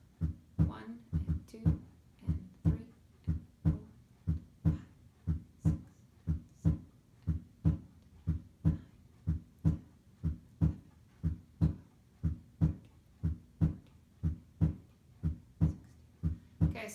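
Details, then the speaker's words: Simulated bradycardia on a SAMII heart-sound simulator, counted 16 beats in 15 seconds (64 per minute): slow, regular lub-dub heart sounds. "I got 16 in 15 seconds so now I have to do math in front of all of you so that would be four that'd be 64 so that's going to be our our bra cardia"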